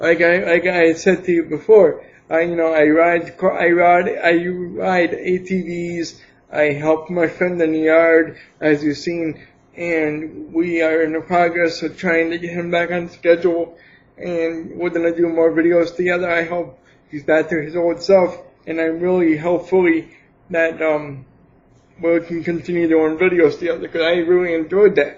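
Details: Dysarthric speech in an adult man with cerebral palsy for 28 years, attributed to lack of oxygen at birth; he could not speak as a baby, later began talking, and now speaks without an assistive device.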